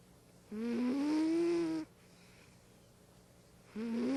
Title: Little Guy Snoring: A Memorial to Our Beloved Friend (1985 - 2012)